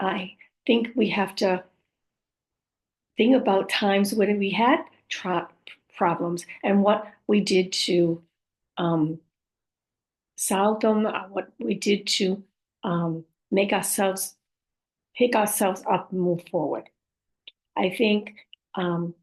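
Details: Adult woman whose communication challenges were caused by a stroke, including aphasia, apraxia of speech and dysarthria; post-stroke aphasia with apraxia of speech.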